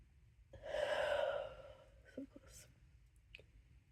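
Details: One breathy sneeze followed by faint breathing in a quiet room, part of a count of sneezes within one minute (the eighth).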